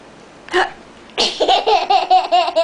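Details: Young child faking hiccups: a sharp voiced catch, then a rapid run of short gulping, laugh-like sounds; imitated, not real, hiccups.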